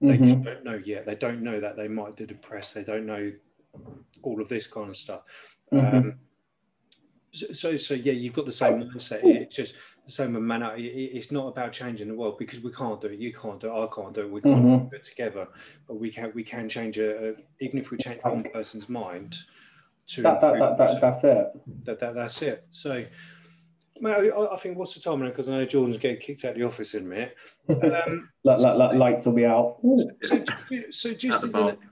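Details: Adult man speaking; typical speech.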